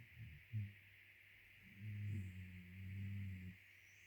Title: #cairnterrier 2 snoring dogs